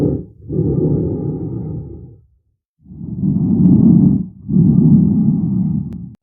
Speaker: move it to an area of the chest wall to hear the lung sounds and heart [Music] tones reposition yourself behind the patient for the posterior sounds